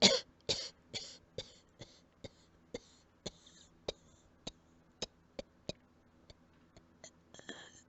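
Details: Series of about fifteen quiet, short coughs over eight seconds, fading as breath runs out, then a longer final burst.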